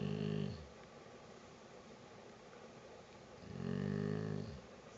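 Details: Sleeping pit bull dog snoring: two low, rumbling snores on inhalation with a quiet pause between; ordinary snoring.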